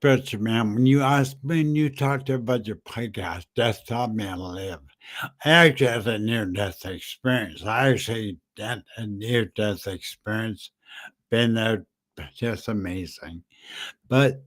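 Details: Aphasia with short-term memory loss in a man, caused by a stroke in September 2015.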